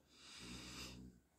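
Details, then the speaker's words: Female dog sleeping nearby while her owner does a craft tutorial; owner says she always snores: a single soft rattling inspiratory snore, faint in a quiet room. "si vous entendez ronfler, c'est rien, c'est ma chienne. Elle ronfle toujours."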